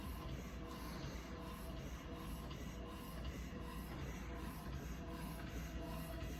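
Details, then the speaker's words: Lactation staff demonstrating how to set up an electric breast pump. The suction setting is lowered from 80 to 50 after about 2 minutes and continued for 20 minutes in total: a steady mechanical hum with a soft rhythmic pulsing cycle. "We're going to decrease from 80 to 50, and I just hold it down. Okay. She's going to continue these settings 30 to 40 for a total of 20 minutes."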